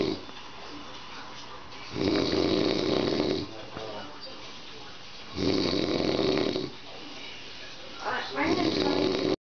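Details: Older man (a father) snoring very loudly: rough snores in slow bursts on each breath in, with quieter breathing between.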